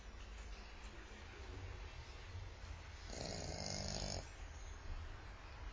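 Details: Sleeping French Bulldog, a small flat-faced dog: low rumbling snoring breaths with one longer, louder rattling snore.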